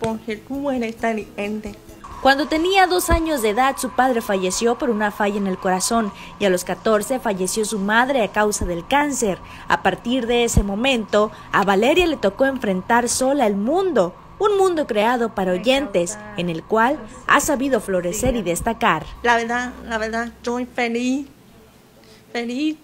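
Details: Adult female narrator, with a brief second voice near the end; typical speech.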